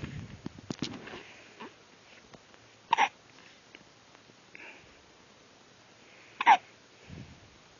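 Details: Two short, sharp catch sounds a few seconds apart against quiet room noise from baby, consistent with hiccups; a common harmless occurrence.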